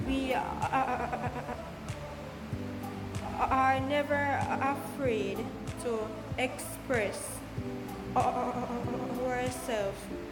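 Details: Woman who calls herself a Jamaican stutterer, speaking about her own stammer; stuttering.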